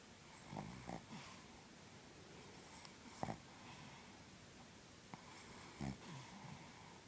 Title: Snoring and dreaming